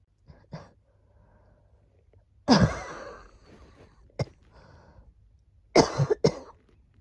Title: 【のリアルボイス】咳をする💓#cough